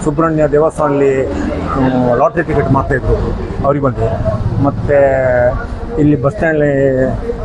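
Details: Adult man speaking Kannada; ordinary speech.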